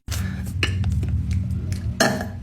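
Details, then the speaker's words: Young woman burping to get it all out before dinner: a long, low, rumbling belch of about two seconds with a brief higher sound at the end. "I'm like going to dinner, so I got to get it all out. There's still some in there, so you have to put air in to get it just to all release."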